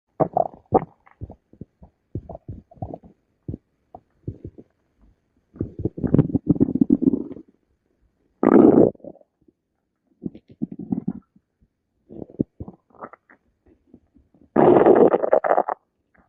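Gurgling, rumbling bursts and longer growls from the belly, irregular, in a quiet room; hunger-related stomach growling, a normal sound.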